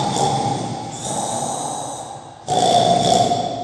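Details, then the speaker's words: Teacher in a 10th-grade English class imitating snoring while awake for students to guess: two long, rough, rattling snore sounds; simulated snoring. "This is a snoring sound. That means gorke. Some of the persons are breathing very fastly and make them sound. That is called the snoring sound."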